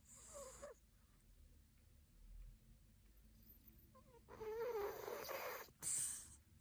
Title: Cat snoring 😴 💤